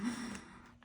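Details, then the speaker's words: Sleeping Frenchton dog (half French bulldog, half Boston terrier) with a flat face, which snores a lot; a single brief, low snorting snore fading out quietly. "oh God bless her she's a um frenchton she's half French and half Boston interior and she has flat face so she snores a lot"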